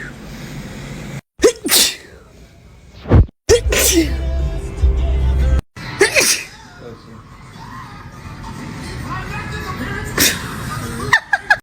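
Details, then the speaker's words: Repeated sneezing compilation: separate sneezes cut together with abrupt breaks, some preceded by a sharp intake of breath, with music or talk behind. "Good morning to me and my being able TO STOP SNEEZING. WHAT? JUST SNEEZED ALL OVER MY PHONE."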